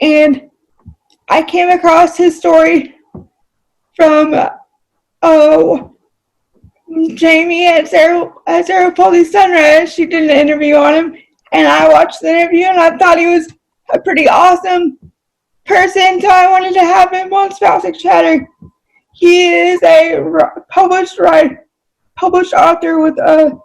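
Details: Adult female with cerebral palsy, who reports that voice-recognition software fails to understand her about half the time; dysarthria due to cerebral palsy.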